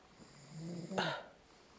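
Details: A single rough, fluttering snore on an in-breath, ending in a brief snort, from an adult husband asleep in bed at night; snoring.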